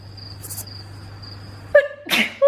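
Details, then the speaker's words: Girl with bad allergies who is also sick: a brief voiced intake, then a sharp, breathy sneeze burst and a short vocal sound after it, with faint insect chirping behind. Sneeze. "my allergies are so bad today I'm going to sneeze maybe oh my goodness"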